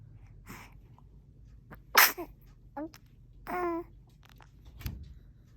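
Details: A single sharp infant sneeze followed by short baby vocal sounds in a quiet room.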